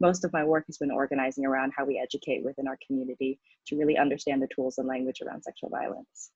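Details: Adult speaker; typical speech.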